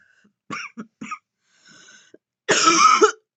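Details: Real, natural coughing from an adult woman vaping in bed, with deep puffs: three short sharp coughs, a soft breathy exhale, then one longer, heavy, harsh cough.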